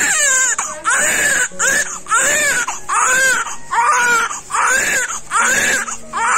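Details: English IVF newborn boy just after birth, examined as healthy despite an ultrasound abnormality: loud, rhythmic crying in repeated bursts with brief breaths between; strong first newborn cry.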